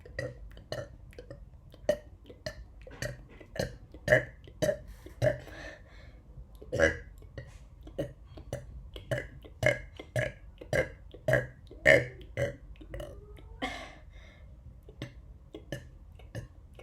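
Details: Voluntary rapid burping, done by quickly inhaling air and then burping, meant as a run of about 50: about thirty short burps in steady rapid succession, roughly two per second.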